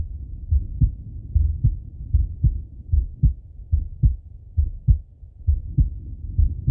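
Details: Steady low lub-dub male heartbeat at about 75 beats a minute on stethoscope auscultation, with faint breathing behind; normal heart sounds.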